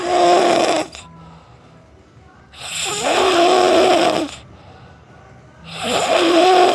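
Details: One minute of snoring: loud, rough snores on each breath, about 19 a minute, with quiet pauses between them.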